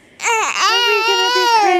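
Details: Infant with hiccups after finishing his bottle becomes upset and cries: a single loud, sustained wail with a clear voiced tone; ordinary infant crying.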